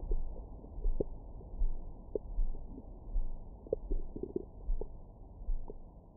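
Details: Active bowel sounds from the recorder's own belly after a large meal, recorded with a Stemoscope stethoscope microphone: frequent gurgles, squeaks and low rumbles.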